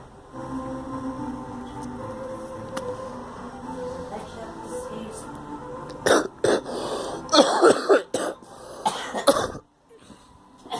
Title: Coughing